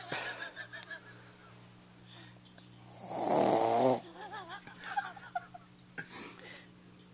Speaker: oh she snored again it didn't take long she went right back to sleep